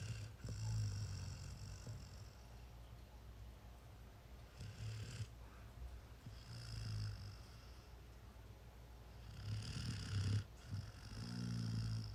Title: Golden doodle puppy snoring